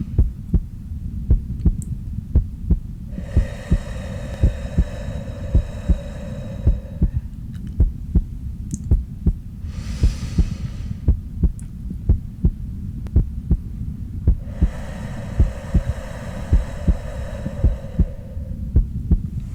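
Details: Real heartbeat heard through a stethoscope in an ASMR doctor roleplay while the listener does a slow, three-count deep-breathing relaxation exercise for anxiety. Steady, slow heartbeat at about 54 beats a minute, with slow breaths over it.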